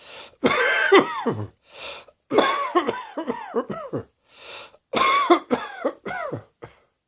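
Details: Three separate bouts of harsh, forceful coughing, several rapid coughs per bout, with brief quiet breaths between; repeated coughing.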